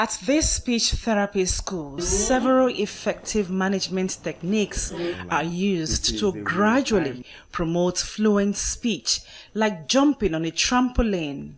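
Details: Adult female narrator; fluent speech.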